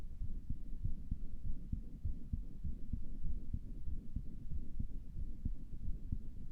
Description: I was just stething myself today, and my heart sounded weird, so I recorded this.